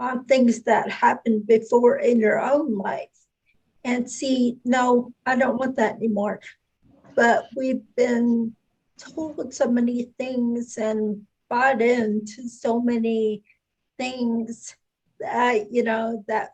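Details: Adult speaker; normal speech.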